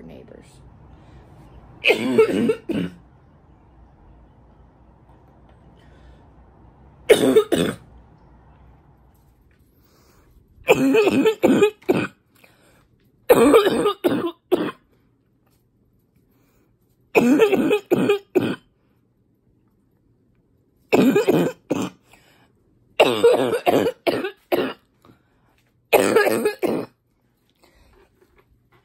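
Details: Adult who has felt more congested lately, with brutal coughs this past week and suspected allergies, gives harsh, barking, congested coughs in short clusters separated by quiet pauses: congested barking cough.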